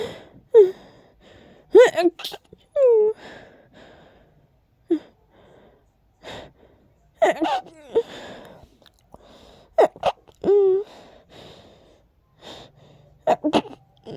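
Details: Several breathy gasping build-ups, each ending in a short stifled sneeze burst with quiet pauses between; suppressed sneezing from allergies acting up, nose very tickly.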